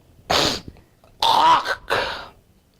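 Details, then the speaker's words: An adult imitates a hawking cough with three harsh, forceful, scraping throat-clearing bursts, described as typical of Spongia, a cough always better by warm drinks. "hush, that sound is typical of your spongia. And remember, for spongia, the cough is always better by warm drinks."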